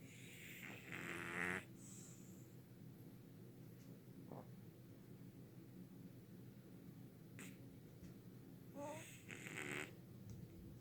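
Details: Two snorting, rattly snores several seconds apart with faint breathing between, in a quiet room: ordinary snoring.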